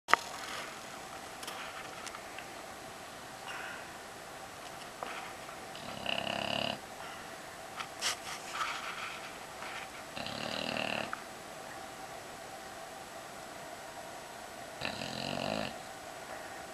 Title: Snoring with her Baby